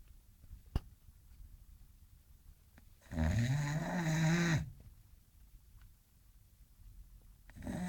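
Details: English bulldog sleeping and dreaming: a loud, low, buzzing snore lasting over a second, with quiet breathing and faint room noise around it: snoring.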